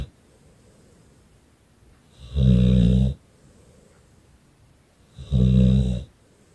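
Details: Staffordshire bull terrier dog snoring: two loud, rumbling snores on breaths in, roughly three seconds apart, with quiet room noise between.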